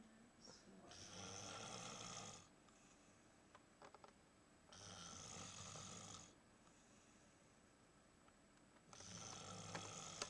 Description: Big Bear in a cave snoring